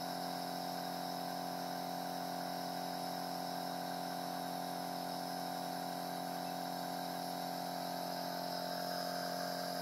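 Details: Steady droning buzz of a Pari TurboBoy S compressor nebulizer delivering aerosol through a size 0 premature-baby mask to a cat with chronic rhinitis; nebulizer running.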